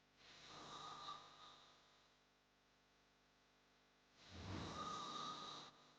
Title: Hard snoring sound🙆‍♂️ | Snoring sound effect